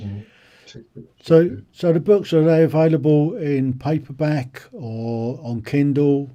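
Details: Adult male speaker; normal speech.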